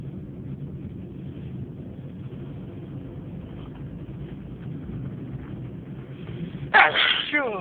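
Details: Sneezing during a spell of repeated sneezing over four minutes from something in the nose: steady background rumble, then one loud sudden sneeze near the end with a trailing breath.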